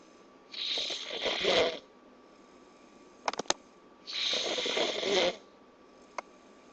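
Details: Sleeping, snoring like a chainsaw: two long, hissing, rattly snoring breaths about three seconds apart, with a few faint clicks between.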